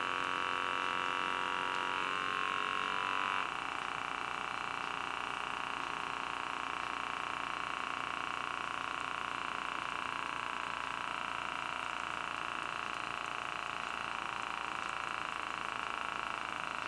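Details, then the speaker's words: Home wrist blood pressure monitor running its self-test and then inflating, after about 5 minutes of rest: steady whirring of a small pump with a brief early pitch change; the reading was 147/96. "It says it runs a self-test first, and then it inflates."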